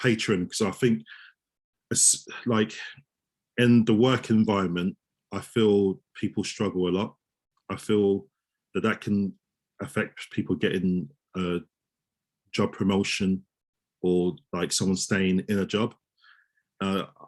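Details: Adult male osteopath who stammers, speaking in a real interview, with word repetitions; stuttering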